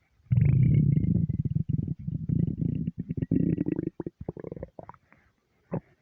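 Long, low gurgling growl that breaks into bubbling pulses and fades. Normal hunger stomach rumbling.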